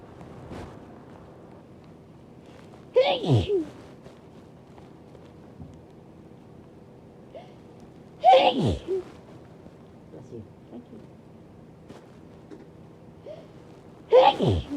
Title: Big, loud breathy sneezes (blessed by my bf)